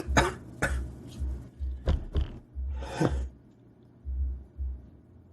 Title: A fresh sneezing fit compilation video for these trying times.